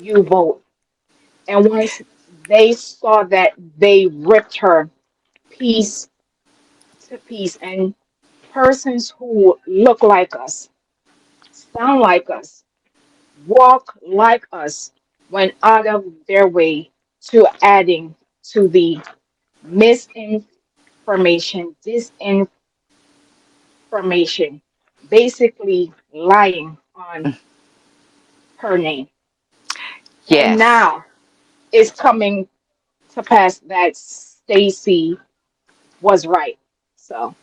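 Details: Adult woman, real, self-reported speech impediment that she calls her "disability"; speech impediment.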